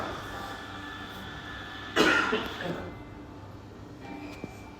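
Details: Middle-aged man coughing.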